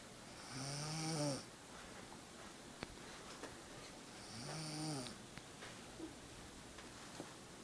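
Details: A sleeping person snoring: two rising, whistling snores with a buzzing low note, a few seconds apart, over steady room hiss, at a slow breathing rhythm.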